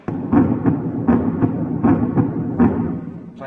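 Regular paired heart thumps at about 80 beats a minute at the mitral area, normal heart sounds.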